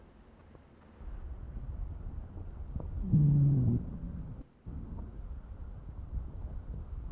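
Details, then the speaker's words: Wheezes: whistling (sibilant) breath sounds produced by airflow turbulence. "los sonidos que ustedes van a tener que es como un silvido no y es por eso es que se dice sibilante"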